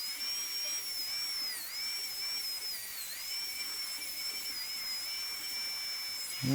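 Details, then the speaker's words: High-speed dental handpiece cutting tooth #18 on a typodont in a simulation lab during gold onlay preparation, tapering the mesial and distal boxes: steady high-pitched drill whine dipping briefly, over suction hiss. "you have to make sure that you uh you open it up and put a taper to it an internal taper and we'll do the same on the distal here"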